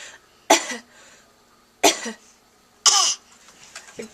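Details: 8-month-old infant playfully imitating his mother's cough: three short, forceful cough-like bursts, not illness.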